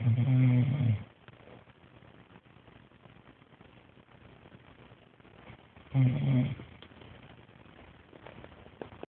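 Two loud, low, droning snores about six seconds apart, with a moaning, almost mooing tone; quiet breathing between.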